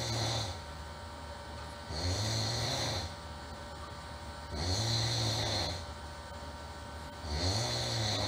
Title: Sound | Human | Very Irritating Snore